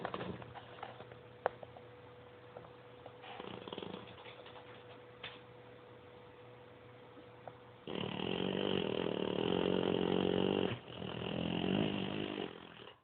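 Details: Loud snoring from a sleeping female: quiet breathing, then two loud, rattling snores on successive breaths from airway vibration during sleep.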